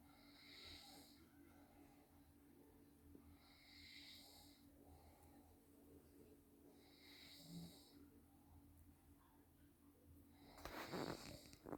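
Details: Father snoring in his sleep, filmed by his wife or daughter because he did not believe he snores: regular rough snores with each breath, about three in ten seconds, ending in a louder snort.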